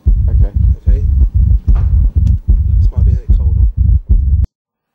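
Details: Simulated exam of a 38-year-old who vomited bright red blood twice in the past week, drinks six pints a week and doesn't smoke: chest auscultation with a stethoscope giving loud, regular, deep heartbeat thumps at about 75 a minute.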